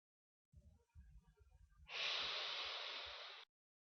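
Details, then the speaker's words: Soft breathing, then a quick, deep, rushing inhalation through a dry powder inhaler (Accuhaler) in an asthma inhaler technique demonstration, the correct fast deep breath to draw in powdered medicine. "turboh healer adalah sama seperti healer ia mengandungi Ubat di dalam bentuk serbuk anda perlu Tarik nafas yang dalam untuk mengeluarkan Ubat tersebut"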